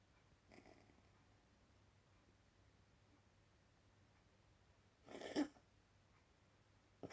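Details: Cat coughing, recorded 30/3/2022: one clear short cough with a fainter sound before it, over quiet room hum.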